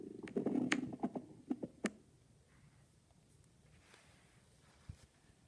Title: Bambi dad stomach growling and bambi listening to it